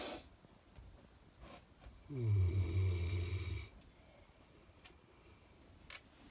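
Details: A dog worn out after a morning walk in the hills gives a single low, rumbling snore of about one and a half seconds in a quiet room; snoring.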